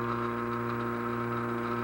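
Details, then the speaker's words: Dental vacuum investing mixer switched on during a gold casting procedure, with the dial gauge reading about 10–12 before closing: steady low motor hum with a constant tone. "now I'm putting the machine on now you can see that the dial gauge is reading only about 10 or 12 now I close"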